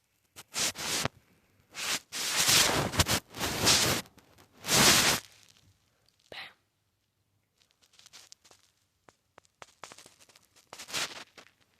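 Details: Several harsh, noisy cough bursts in quick succession from a child, a cousin.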